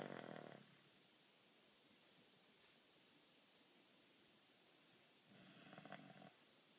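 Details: Two short, rattling snores about five seconds apart, with quiet hiss between them; ordinary snoring.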